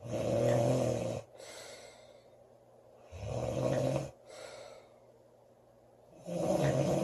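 Loud, rough snores on each inhalation, about 20 a minute, with quieter exhalations between; ordinary snoring.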